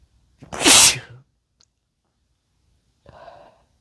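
One loud, wet, explosive sneeze followed by a softer breath out; an ordinary sneeze.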